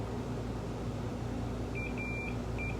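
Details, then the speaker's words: Three brief electronic beeps, the middle one longer, over steady room and air-handling noise from hospital equipment, recorded during a hospital stay for a broken bone needing surgery after a bike accident. "we can't be so vain in these kind of situations and that beeping sounds so annoying"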